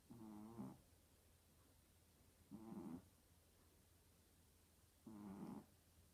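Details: Sleeping puppy snoring: three loud, fluttering snores, each about half a second long and coming every two to three seconds, over quiet room hum.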